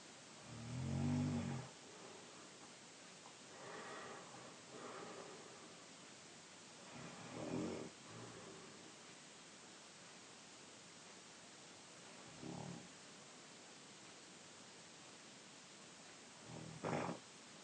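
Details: 15-year-old boy, 5'10", 156 lb, snoring during overnight sleep: irregular rough, low snores at uneven intervals over steady background hiss.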